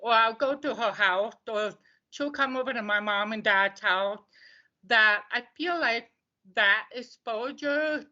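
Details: Deaf speech of an adult woman from the deaf community.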